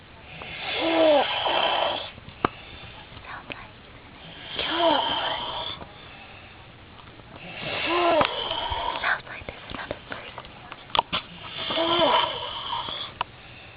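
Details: Adult man snoring very loudly, as he reportedly always does, waking his partner: loud rasping snores with each breath, about four in thirteen seconds, with faint clicks and rustling between; snoring.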